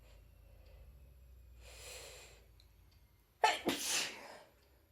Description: Today was probably the worst day of my cold making for some epic sneezy moments.